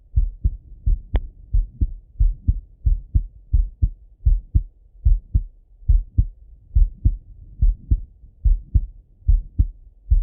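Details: Male heart auscultated with a stethoscope, recorded either sitting at a desk or lying in bed: steady lub-dub at about 70 beats a minute with clear first and second sounds; normal heart sounds.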